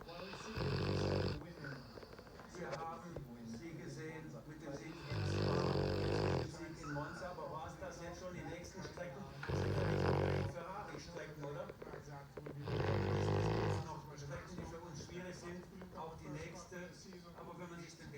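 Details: Sleeping Labrador: loud rattling snores about every four seconds, roughly 15 a minute, with quieter breathing between; snoring.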